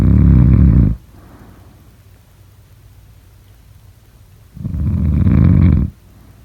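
Deep, loud, rattling snores about a second long, roughly every five seconds, with quiet pauses between them: heavy adult snoring.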